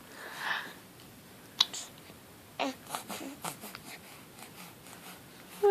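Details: A soft hissing burst, then a loud, sharp snorting sneeze followed by short sniffing snorts in a quiet room.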